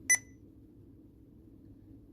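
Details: Sapphire infusion pump being set up for inhaled epoprostenol delivery, after priming: a single short high beep over quiet room noise as the pump confirms a keypress.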